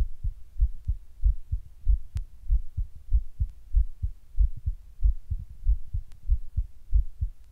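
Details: Recorded while just sitting down at rest: heart suddenly beating weird and hard, at times fast; strong, thudding beats with uneven spacing and brief quicker runs, an irregular heartbeat felt as palpitations.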